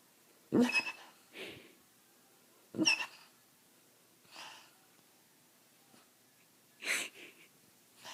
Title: Snoring basset hound